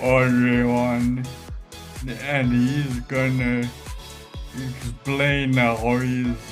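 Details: Adult speaker with Friedreich's ataxia and ataxic dysarthria, speaking as an interview host; ataxic dysarthria.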